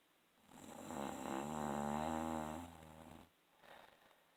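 One long, rattling, vibrating snore on the in-breath, about three seconds, then a faint softer breath sound.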